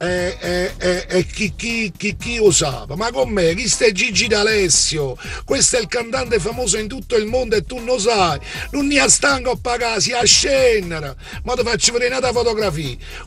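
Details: Imitated stuttering with repeated syllables, performed by a comedian telling a joke about a man who stutters; acted, not real stuttering.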